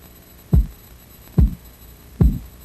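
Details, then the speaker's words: Three dull, regular thumps under faint hum, about 70 a minute, heard through a stethoscope diaphragm over the brachial pulse at the inner elbow as the blood pressure cuff is slowly deflated; first sound marks systolic pressure; Korotkoff sounds in a 1997 first-aid training demonstration. "Next, open the regulating valve and deflate the cuff slowly until the pulse is heard. This is the systolic pressure."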